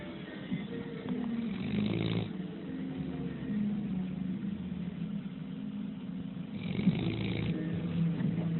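Slow, deep, rumbling snores from a sleeping large dog, with a faint hum in the background.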